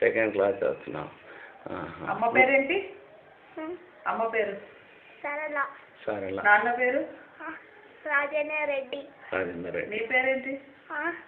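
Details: Adult woman questioning a child, Telugu conversation; no speech disorder.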